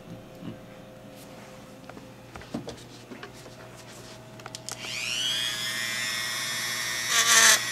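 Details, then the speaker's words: A high-pitched dental drill spins up after quiet clicks and grinds an oral splint to lower its left side, for a 22-year-old male with Tourette syndrome since age seven who bit harder on the left; dental drill adjusting an oral appliance. "I'm just going to adjust it fine-tune it you can see how he's hitting much harder on the left side than the right side so I'm going to lower this left side here"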